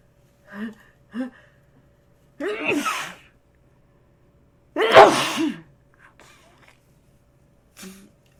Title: Rapid Sneezing